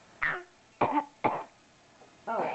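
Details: Cough.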